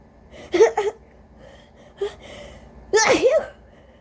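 Three forceful sneezes in quick succession: a double sneeze, then a short one, then a harsh, explosive sneeze, from a congested adult with a cold.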